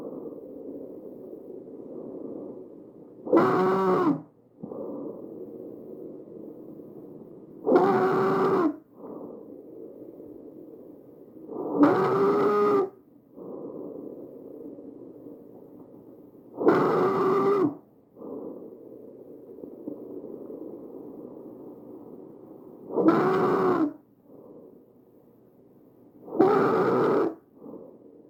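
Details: Tracheal stridor from upper airway narrowing: loud, harsh, high-pitched crowing breath sounds recurring about 13 times a minute.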